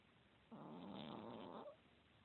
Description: Sam the fat lazy chihuahua snoring.2016